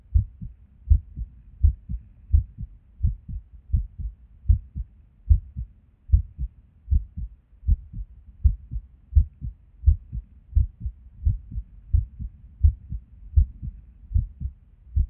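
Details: Resting heartbeat recorded at Erb's point while sitting at a desk, heart often skippy with or without reason: muffled sounds about 80 a minute, some beats unevenly spaced; an irregular rhythm with skipped beats.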